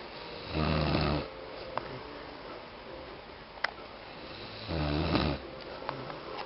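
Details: Sleeping adult man (uncle) snoring: two low, rattling snores separated by a quiet exhale pause, in a quiet room; recording is quiet.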